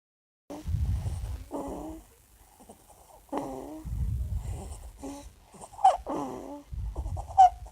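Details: Stridor while sleeping: noisy breaths with harsh, high-pitched crowing sounds on inhaling, from a narrowed upper airway.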